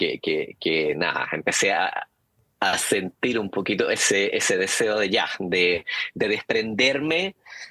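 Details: Stuttering in an adult man, speaking Spanish in an interview.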